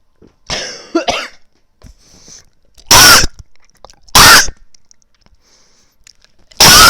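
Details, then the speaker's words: A throat clear followed by three loud, sharp, separate coughs after choking on drinking water: repeated coughing. "sorry sorry I was drinking my water and I choked on it"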